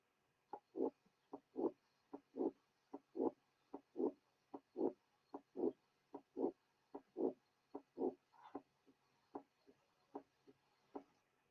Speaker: The next example is that of a late systolic murmur in a patient with a mitral valve prolapse.